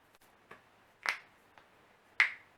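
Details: Morning self-cracking of neck, back, toes and fingers by a non-chiropractor: several sharp, dry pops and clicks in a quiet room, two louder; harmless joint cracking.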